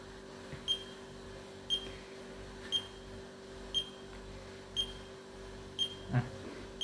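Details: Fingertip pulse oximeter reading SpO2 98% and heart rate 84; short high beeps about once a second over quiet room hum; pulse oximeter beeping.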